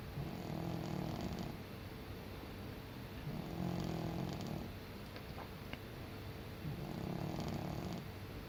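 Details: Senior cat snoring while sleeping: soft, rhythmic rasping snores, about three slow breaths in eight seconds, over a steady room hiss; harmless sleep snoring.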